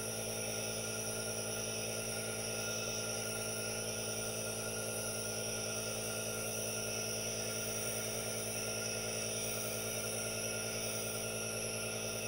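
Steady hissing hum of a running nebulizer, with no talking; ordinary device noise.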